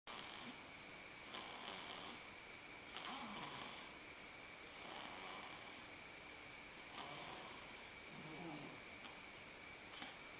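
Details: Slow, rhythmic, rasping breaths about every two seconds over a steady background hum; snoring while asleep on father's lap.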